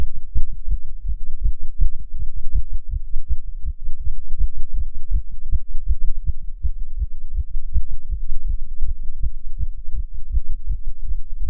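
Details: Rapid heartbeat in a non-smoker while smoking a cigarette: fast, steady, low thumping heartbeat throughout. Heart rate increased by nicotine, an effect stated to be stronger than usual.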